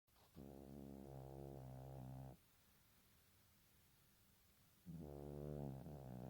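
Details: Two loud, buzzing, rumbling snores about four seconds apart from a sleeping small Chorkie (Chihuahua–Yorkie mix) dog; ordinary snoring.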